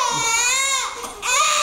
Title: Happy Moments in the Life of 2 month Old Twin Babies Part 24 crying